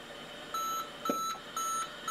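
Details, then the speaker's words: Siemens Servo 300 ventilator: repeated high-pitched electronic alarm beeps about once a second, tone increasing as the problem persists, a low minute volume alarm that self-silences once volume rises. "to red indicates the problem and you get a different increasing sound tone as the problem gets longer and worse once the problem is fixed it will take a little bit for the Linnet volume to rise above our love in a time as soon as it does the alarm will silence itself"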